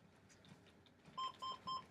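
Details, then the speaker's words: Three steady, evenly spaced beeps from a manual defibrillator charging during a simulated cardiac arrest training scenario with compressions; defibrillator charging tone. "So I'll get you to press charge. I'll press charge as well."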